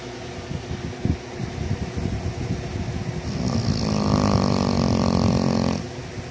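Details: Sleeping dog snoring: low, rough breathing noise, then a sustained buzzing snore lasting about two seconds.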